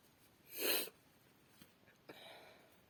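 A single sharp, hissing sneeze into a cloth, followed by faint rustling and a soft sniff.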